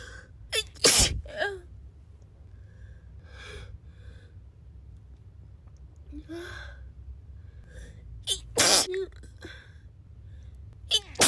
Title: sick and sneezing